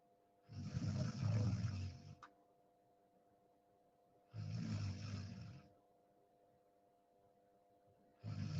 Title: Deep sleep 😴 sound on 😁 snoring sound 🤣 #deepsleep #sleep #sleeping #snoring #room